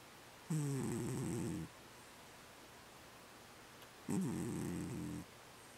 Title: Toad Snores & REMs out